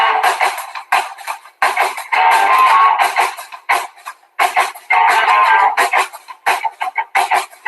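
Strummed guitar music with clear, bright treble, played unaltered as a normal-hearing reference for comparison with simulated noise-induced hearing loss.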